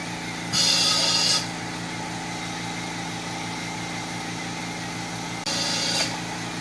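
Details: Two short bursts of high-pitched whine over steady suction and room hum from an ultrasonic dental scaler during a clinic teeth cleaning of a 43-year-old adult with no cavities found on the pre-cleaning check.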